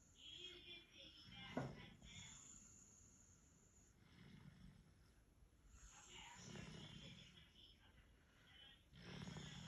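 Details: Person asleep after a 16-hour shift: repeated low rumbling breaths with snorts over background noise; snoring during sleep.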